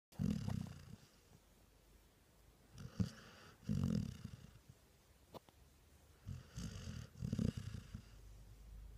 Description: English springer snoring like a cat lol